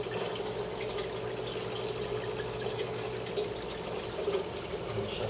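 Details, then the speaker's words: Colon hydrotherapy machine during an adult man's colonic session: steady rushing and trickling of water with a low machine hum as water runs through the pipes, outflow running clear. "the water is in the pipe down there does the mirror sit and see what's going on it's running clear right now which is why i'm recording right now"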